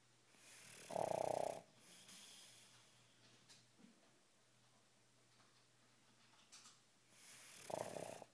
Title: Snoring...